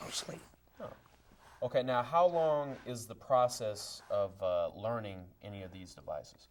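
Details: Adult male talk show host; typical speech.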